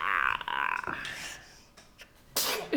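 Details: Sneezing: a voiced build-up, then a sharp burst of air followed by a second explosive burst.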